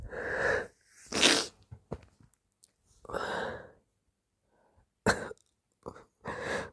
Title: Very wet sneezes + moaning amd whining #sneeze #sneezing #snz